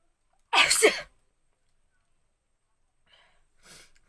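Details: Woman deliberately triggering a sneeze with paper, no handkerchief: one loud, sharp sneeze with quick intake and explosive burst, then quiet breathing.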